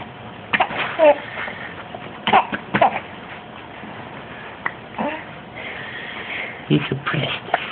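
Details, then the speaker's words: Infant laughing so hard after being tickled by his father that he got hiccups: a run of short, abrupt catching sounds, some with a small squeak, every few seconds in a quiet room; hiccups. "Get ready. You gave him hiccups, Daddy."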